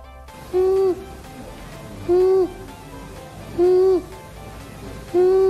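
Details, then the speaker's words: High-pitched, whistling, harsh crowing sounds on each breath in, about 39 a minute, given as an example of difficulty breathing: inspiratory stridor. "có tiếng thở rít là tiếng thở thô ráp khi thở vào nghe giống như thế này"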